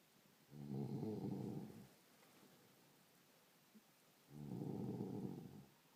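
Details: Loud rough rattling snores about four seconds apart with quiet breathing between, from a sleeping dog named Stacey; snoring.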